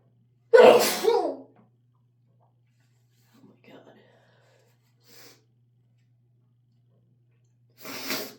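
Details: One loud, forceful sneeze, then quiet breathing and sniffing, and another sneeze starting at the end, in an adult with a head cold and dog allergy; sneeze.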